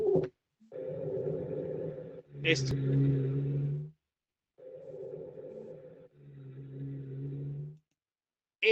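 Low-pitched, snoring-like continuous sounds over two breath cycles: rhonchi, pointing to secretions in the larger airways.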